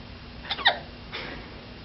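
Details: Four-month-old having a serious bout of hiccups amid a doting family: a single sudden hiccup, a sharp abrupt catch of breath, then a softer exhale in a quiet room.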